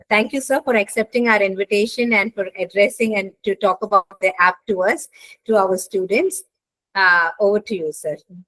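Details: Adult woman; plain speech.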